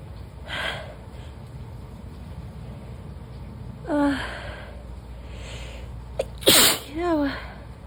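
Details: Several short nasal sneezes with squeaky vocal sounds in a quiet room, part of an ongoing bout of sneezing and coughing that has not stopped all day. Sneezing.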